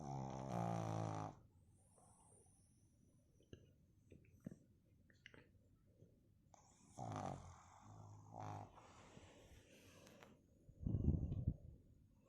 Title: #Cutepug snoring 😂!Funny video #shorts